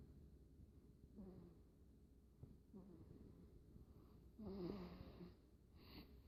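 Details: A 3½-week-old baby snoring while asleep: soft, low snuffly snores, about four breaths in six seconds.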